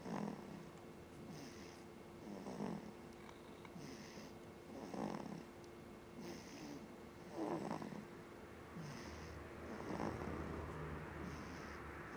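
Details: Soft, rough breathing noises recurring roughly every two and a half seconds over steady room hum: snoring during sleep.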